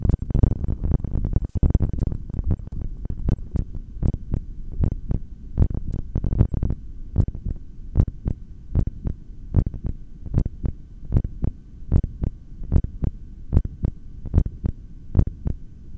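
Strong regular heartbeat through a stethoscope, about 75 beats a minute, heard while the breath is held; rubbing noise at the start.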